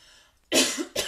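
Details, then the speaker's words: Adult coughing again during a live makeup session; two quick, harsh cough bursts after a brief pause. "excusez moi je tousse encore"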